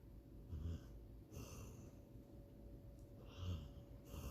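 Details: Sleeping dog, snoring described as gone wrong, possibly 'possessed': repeated noisy, whistling snoring breaths with a low rumble against steady room hum; snoring.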